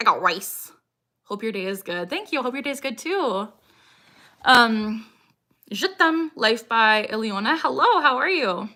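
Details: Woman, 26, with Tourette syndrome diagnosed at 12, tics since about age 3 or 4, producing her frequent involuntary phrase tic "I got rice"; she tics more when discussing Tourette's; vocal tic (Tourette syndrome).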